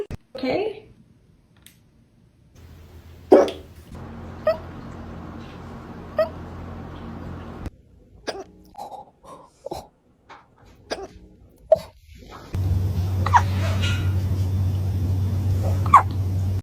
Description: Even cats get hiccups – and it's the cutest thing ever! 😂🐱